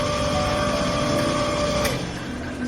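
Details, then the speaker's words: Direct-drainage dental suction unit switched on, medium to high suction: steady motor hum with rushing, gurgling suction as water is drawn in. "You just need to switch on this. That's it. And it will start taking the water."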